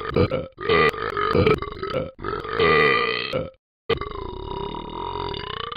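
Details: Simulated burping from the animated Talking Ben game character, not a real person: loud, drawn-out voiced burps.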